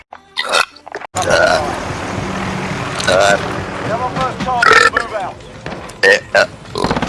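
Several loud, throaty belches among chatter and background music; ordinary burping.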